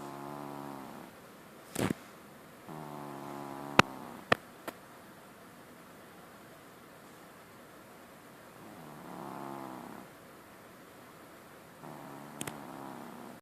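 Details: Snoring from a sleeping pet cat: soft, buzzing breath sounds in slow, uneven cycles with a few sharp clicks between them.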